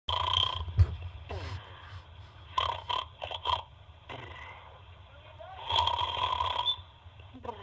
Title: baby snoring